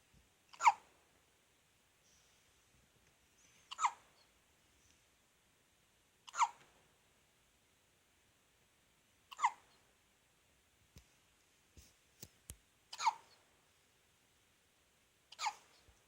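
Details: One-day-old newborn baby with hiccups: short, sharp hiccup sounds repeating every few seconds, about six in 16 seconds, with a few soft clicks.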